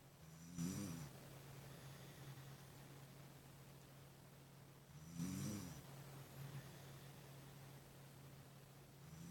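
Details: Two loud, rough snores about four to five seconds apart over a steady low room hum, roughly 13 breaths a minute; snoring during sleep.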